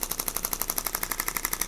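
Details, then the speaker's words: Chiropractor's shockwave therapy for a man's bilateral plantar fasciitis, treating the calf/posterior tibialis and foot at setting about 2.1: rapid, regular sharp clicking pulses, about twelve a second, from the applicator on soft tissue. "Okay, so shockwave, it uses sound waves to penetrate through the skin and break up the tissue underneath."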